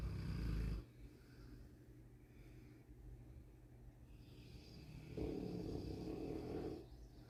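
Deep, low rumbling breath sounds with a louder buzzing snore near the end; heavy snoring from a large dog.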